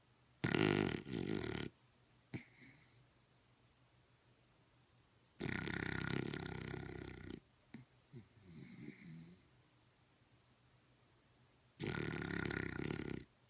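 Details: Dog in very deep sleep; owner labels it REM/sleep apnea. Loud, rough snoring breaths separated by long quiet gaps, with small snorts and whimpers between; heavy snoring.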